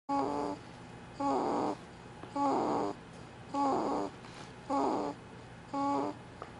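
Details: Rhythmic, short, buzzy, tonal snores, about 6 in 6.6 seconds (roughly 53 breaths a minute) with quiet gaps between; snoring.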